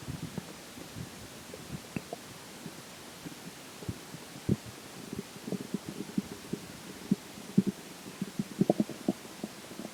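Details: Stomach recorded during digestion, in the section where water and air take major effect: frequent low gurgles and bubbling pops over steady hiss, busier toward the end; normal borborygmi (stomach growling).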